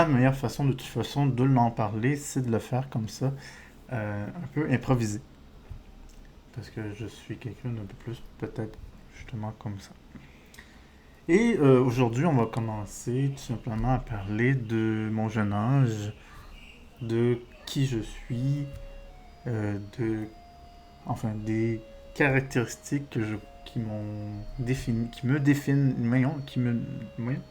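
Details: Adult man with diagnosed ADHD; stuttering-like speech disfluency he says resembles stuttering but is not stuttering, linking it to ADHD.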